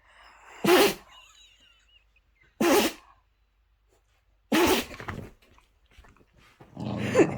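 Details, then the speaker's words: Small dog with a bout of repeated sneezing: three sharp, explosive sneezes about two seconds apart, then a softer snort. "you did like 10 sneez you just tell the Snee in [Music] the you just like tell Snee all together 10 sneezies all together that was good do you need to sneeze again"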